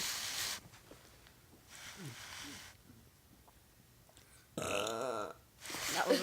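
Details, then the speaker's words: Burping challenge between a girl and another person taking turns: low, croaky, deliberate voiced burps with room noise between. "What's up? We're about to have a burping challenge. She's gonna burp first."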